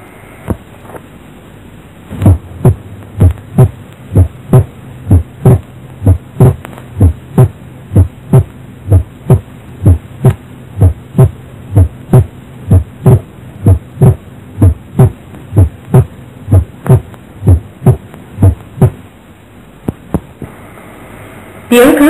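Regular heartbeat near 63 a minute; second sound splits on breathing out, narrowing on inspiration: paradoxical splitting.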